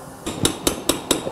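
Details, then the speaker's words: Total knee replacement: four sharp, evenly spaced metallic strikes of a surgical mallet with an impactor driving a one-piece component into place, first impacting straight on. "I'm a internal impactor, which allows you to impact in the notch and force the femoral component in extension. So we'll first impact straight on."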